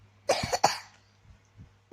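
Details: Young child coughing three quick, loose coughs in a quiet room; parent says she has a cough, cold and fever after eating ice cream.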